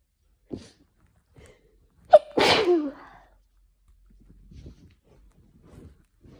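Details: Afternoon sneezing fit from hay fever: a loud sneeze preceded by a sharp intake and followed by quiet breathing.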